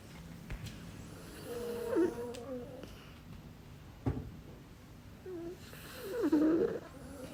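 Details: Pet snoring, recorded last year: soft, uneven snorting breath sounds with a few whistling notes from a sleeping animal.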